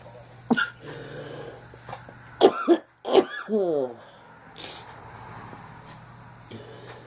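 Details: Short dry coughs and throat clearing from an allergic tickle in the throat caused by an irritant; honking nose blows and sneezing recorded in the same session.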